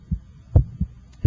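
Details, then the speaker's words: Heart at the apex (PMI) with an electronic stethoscope, timed against the radial pulse: crisp lub-dub at about 85 a minute, louder first sound, softer second, clean gap. Normal first and second heart sounds. "I'm just interested in listening to the first and second heart sounds"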